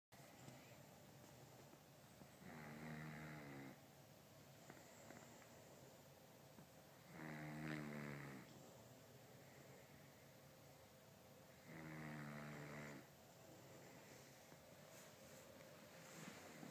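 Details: Snoring: three slow, loud, rattling snores on the in-breath, about 13 per minute, against quiet room noise; ordinary snoring.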